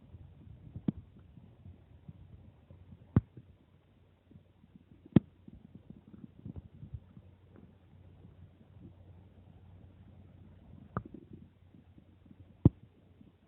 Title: Stomach growling after drinking water